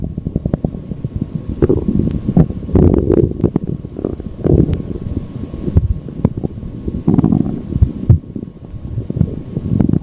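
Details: Stomach growling (borborygmi): continuous low gurgling and rumbling with bubbly pops, a normal gut sound.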